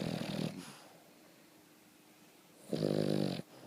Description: Princess Cleo, boston terrier snoring